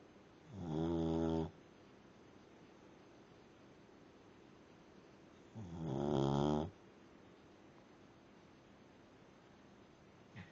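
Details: Dog snoring while asleep: two loud, rough, low snores about five seconds apart, each about a second long, with quiet room noise between.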